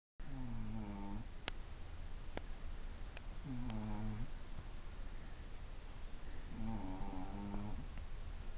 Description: Gigi, the chubby Shih Tzu, is snoring in this video as she takes a nap. It is rare to see/ hear a dog snore!